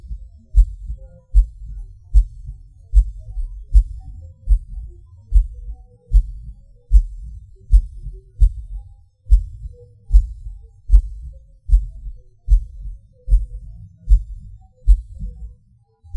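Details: Person's own erratic heartbeat with premature beats (PVCs/PACs): low thumps near 76 a minute with slightly uneven spacing, extra beats and pauses. Pauses and hard beats are felt as a sudden falling rush.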